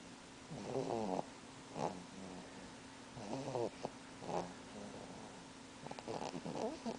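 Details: Baby snoring while napping beside his mother: soft, snorting, fluttery breathing sounds recurring every few seconds during sleep, fitting light snoring.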